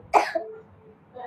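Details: A child puts on a single short, deliberate cough, feigned rather than from illness, to avoid going to tuition; no cold or sneezing noted.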